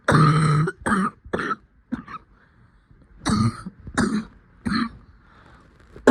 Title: Coughing tonight